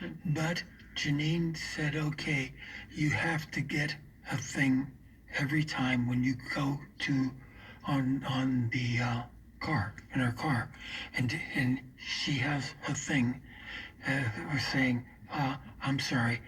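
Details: Man with aphasia after a stroke, still in recovery and coaxing words out; aphasia.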